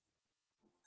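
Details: Wheezes.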